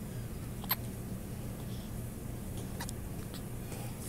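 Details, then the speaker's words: Newborn 4 lb 8 oz baby girl, alert, hiccuping: a few brief, high, squeaky hiccup sounds, irregularly spaced, over quiet room hum. "She sounds like a squeak toy when she hiccups. It's the most noise she's made."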